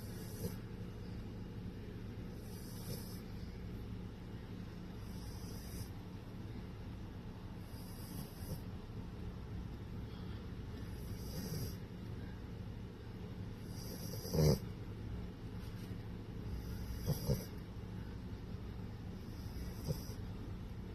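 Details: A sleeping pit bull dog snores with soft, regular snorting breaths, about 20 a minute, over low room noise.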